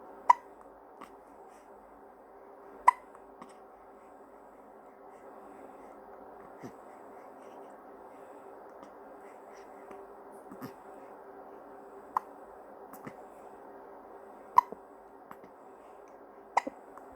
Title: Baby Hiccups #newborn #babyboy